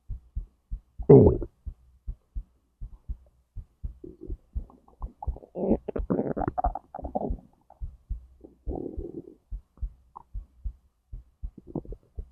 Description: A whole digestive process pretty much, from my stomach to my intestines